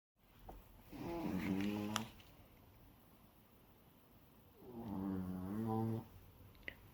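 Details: Two loud rumbling snores about four seconds apart, with quiet between, from one of two figures lying in a small room while the other eats: snoring.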